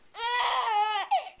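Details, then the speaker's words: Infant in a sleepsack, just after his first real bath, crying: a loud sustained wail with a clear, steady tone, then a short second cry; the parent suggests he may be fake crying. "all right sorry to do this to you buddy i know you're crying but you look so cute in your little sleepsack"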